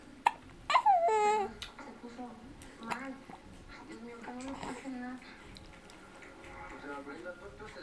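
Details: About 3-month-old baby boy who dislikes his hiccups: abrupt short hiccup catches interrupt fussy whimpering and babbling; infant hiccups.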